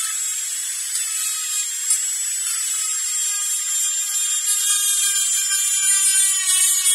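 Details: Dentist's drill sound-effect track: steady high-pitched whine of a dental drill running continuously in a small room.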